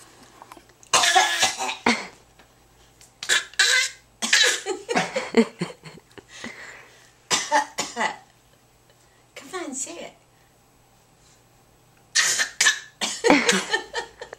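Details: Young boy gives repeated short, forced cough-like bursts for attention; a voluntary fake cough.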